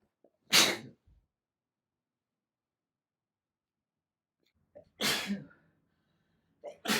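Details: Compilation of one person's sneezes: three sharp, explosive sneezes, each preceded by a brief catch of breath, separated by quiet pauses.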